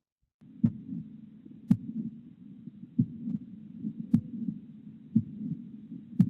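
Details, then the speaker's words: Real patient recording with phonocardiogram: slow regular heartbeat, loud S1, a pause, then a late systolic murmur before S2, no click; mitral valve prolapse murmur. "because there's this s1 and then this pause and then the murmur so your brain just thinks oh that's diastole but it's not it's actually late systole"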